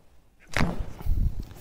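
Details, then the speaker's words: Brief sharp crack then dull thud: joint cavitation during an osteopathic spinal manipulation thrust on a woman lying on her left side, treated for central-left upper back/chest tension. "Ok va bene allora cominciamo a fare una manov retta qua sentire rumore tipo quando ti scrocchi le dita ma non spaventarti che non fa male eh"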